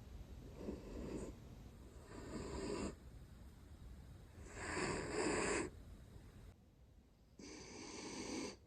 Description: Our miniature dachshund Mac has been sleeping a lot this week, which means lots of little snores coming from under piles of blankets.